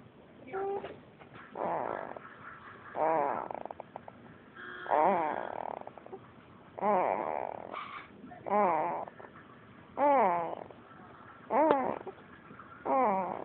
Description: My son sounds like he is snoring. Actually making that noise with his mouth.